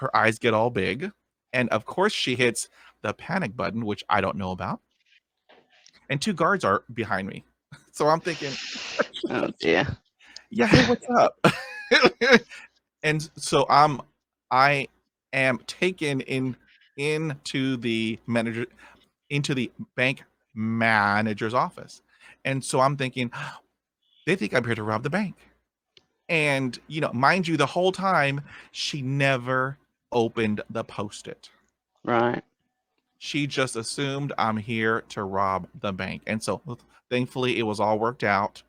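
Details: 37-year-old man with lifelong developmental stuttering since about age three, worse in childhood, partly controlled as an adult, worse under stress or anxiety; stuttering.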